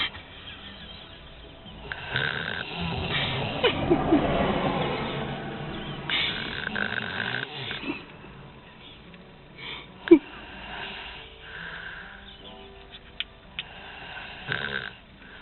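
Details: Grandmother snoring during sleep, measured at 72 dB by a snoring app: loud, rough, rattling snores repeating with each breath, with quieter gaps between them.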